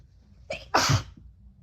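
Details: Sneezing while sick, one of a run of repeated sneezes: a brief catching in-breath, then one loud, explosive sneeze in a quiet room.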